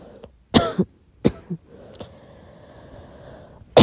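Two short, soft coughs, each with a small second burst, then a quieter throat sound; mild cough in a quiet room.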